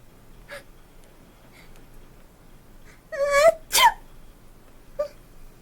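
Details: Acted sneezes for a requested skit, performer in fursuit: two loud sneezes in quick succession with faint room noise.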